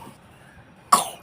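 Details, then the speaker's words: Young girl with a heavy cough, being taken to the doctor: a single short, sharp cough after a quiet moment. "देखो ये देखो भाई बहुत खांसी हो रखी है को और को हम डॉक्टर के लेके जाएंगे"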